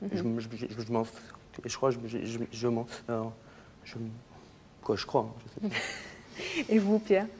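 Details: Stuttering in a man, a talk show guest who says he built his identity around his stutter and that it is better today; stuttering.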